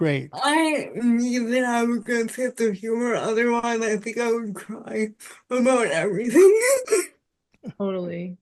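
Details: Adult woman with spastic quadriplegic cerebral palsy since birth, with high muscle tone in all four limbs; speech is harder to understand and voice assistants do not recognize it well; dysarthria (cerebral palsy).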